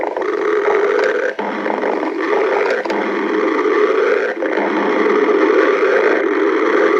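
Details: Simulated cartoon sound effect of Starfire's stomach growling: a continuous deep, rumbling growl with small pitch wobbles (borborygmi).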